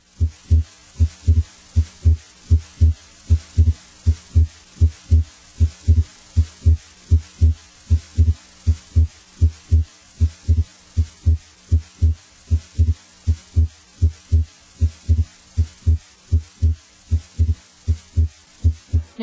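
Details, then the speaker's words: Heart heard at the pulmonic area: steady, regular beats with S2 splitting on inspiration into A2 (aortic closure) then P2 (pulmonic closure), merging on expiration; physiologic splitting of S2, a normal finding. "try to identify the inspiratory splitting of S2 into its two components its first component A2 is from left-sided aortic valve closure its second component P2 comes from right-sided pulmonic valve closure"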